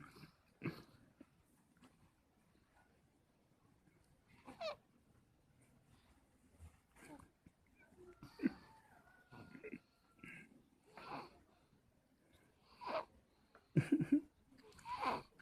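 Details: Sleeping dog snoring: soft, irregular snorting breaths with quiet pauses between them; ordinary snoring.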